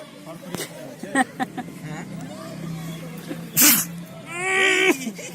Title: happy doggo sneezes on me